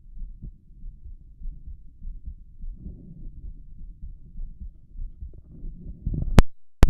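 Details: Loud, rapid heartbeat heard through a stethoscope over the chest of an adult man with a visibly heaving apical impulse, auscultated at each valve after a brief listen to the lungs: rapid heartbeat.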